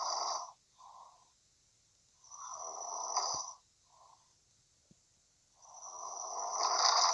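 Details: Woman who fell fast asleep during a phone call, snoring: rough, hissing breathing sounds on both inhalation and exhalation, with quiet pauses between; ordinary snoring.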